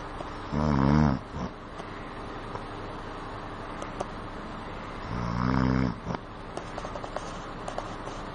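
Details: An adult man asleep gives two loud, deep, rumbling snores about five seconds apart, with quiet breathing between, over steady room noise: heavy snoring.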